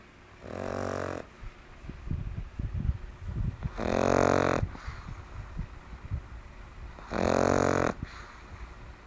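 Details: Pug, small flat-faced dog recovering from mange, giving three loud rattling snores about three seconds apart with snuffling between; snoring.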